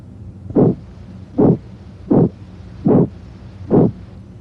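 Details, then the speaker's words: Stethoscope over the abdomen (renal arteries and aorta): regular soft whooshing pulses about 77 a minute; abdominal bruit. "If the patient has hypertension, listen for brewies over the right renal artery. aorta and left renal artery. If present, a brewy would sound like this."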